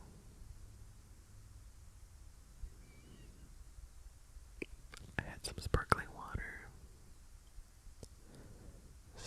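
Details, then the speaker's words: Adult woman's stomach rumbling near the microphone in a quiet room: low rumbling with a cluster of bubbly pops and gurgles midway, described as lots of bubbles in her gut; bowel sounds. "there's a lot of bubbles. A lot of bubblage happening in my gut."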